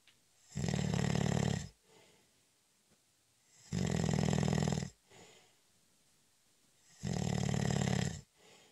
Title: 20 Minute Snoring Audio In Honor of National Nap Day- It's a cat nap!